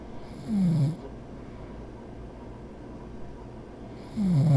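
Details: Cartoon characters (Snats) sleeping and snoring: two soft, low snorting breaths a few seconds apart over quiet room noise.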